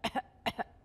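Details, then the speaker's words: An allergist imitates the whooping cough (pertussis) cough: rapid, staccato coughs in quick succession, mimicking its repeated cough bursts. "And so trying to protect those little ones against this really horrible cough. I was actually practicing the cough at home with my children because it's a very very distinct cough."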